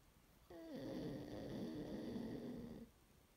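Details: Dog snoring and dreaming during its morning sleep: a single long, rough snore with a whining, nasal tone, lasting about two seconds.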